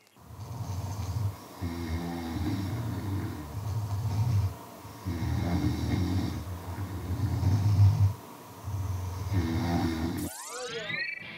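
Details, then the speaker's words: Several sleepers snore together in a shared room, with low, rattling, overlapping snores in a loose, irregular rhythm; everyone reportedly snoring. "แต่ฉันได้ยินเสียงนอนกรนนะก็กรนกันหมดนั้นแหละ!กรนกันทุกคนเลย!"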